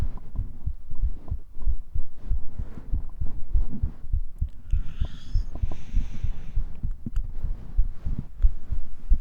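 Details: Close-miked heartbeat recorded with a 3dio binaural microphone for an ASMR cuddling roleplay, lying on grass: steady muffled regular lub-dub thumps with faint rustling; normal resting heartbeat.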